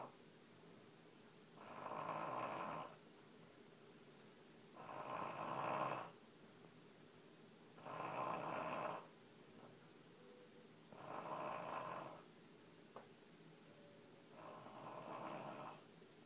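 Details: Sleeping baby snoring: five regular, soft rattling breath sounds about 3 seconds apart, roughly 19 a minute, with quiet gaps between; snoring.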